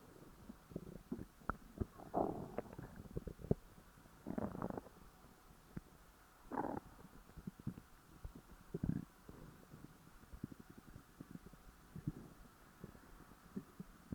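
Low gurgling rumbles and irregular bubbly pops over quiet background; stomach growling after a large meal.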